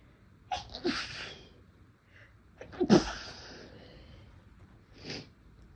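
Two sneezes, each with a catching in-breath and a sharp burst, then a smaller half-stifled one. Ordinary induced sneezes.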